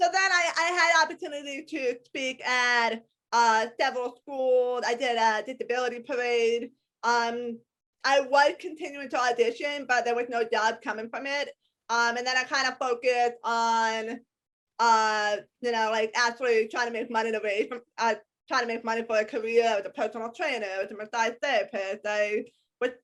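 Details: Adult woman with a congenital hearing impairment diagnosed at age 3 or 4. She wears hearing aids in both ears, is completely deaf to high-pitched sounds and has had extensive speech therapy; speech of a person with congenital hearing impairment (deaf speech).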